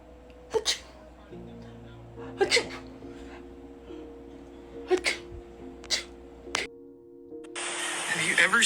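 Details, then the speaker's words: Chicken sneezing (owner suspects allergies): about five brief, sharp sneeze-like snorts, over soft background music. "a chicken sneeze watch this do it you've been just sneezing sneeze again what the hell apparently my chicken has allergies"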